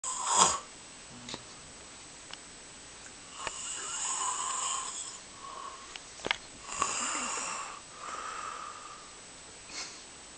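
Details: Raspy, whistling snoring breaths in a quiet room, a few breaths over about ten seconds; snoring.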